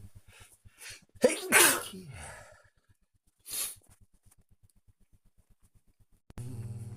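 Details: Ordinary random sneezes recorded on a smartwatch by someone not ill and outside allergy season: a sharp inhale and explosive sneeze, then a second shorter sneeze, over soft rhythmic ticking.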